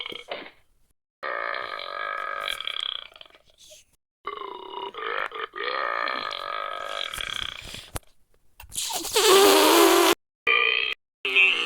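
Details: Sound-effect collection of burping: a series of long, loud, drawn-out belches with short gaps between them.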